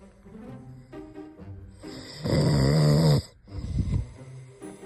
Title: Prankster got caught: didnt know I snore